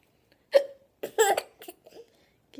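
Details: A sudden sharp voiced gulp followed by brief vocal sounds; hiccups.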